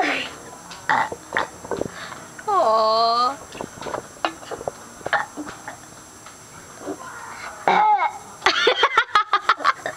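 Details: Male burping loudly: a drawn-out, voiced belch amid chatter and laughter in a small room.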